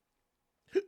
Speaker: We got all the bit burps and hiccups all at once.